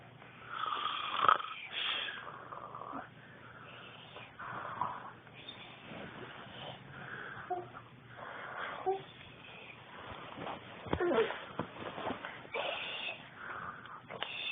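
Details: Uneven snoring: irregular, thin, whistling and rasping breath sounds, some nasal and wheezy, in a small room.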